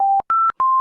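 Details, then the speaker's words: Three quick rising-then-falling electronic tones: high-priority ventilator alarm in a patient on pressure control ventilation with low tidal volume and high respiratory rate, prompting immediate bedside troubleshooting. "when you get an high high priority alarm like this never switch off the alarms try to go near the patient catch all the clinical indicators"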